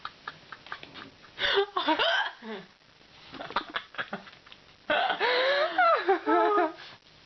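Sharp, brief catching sounds mixed with laughter and voices in a small room; hiccups.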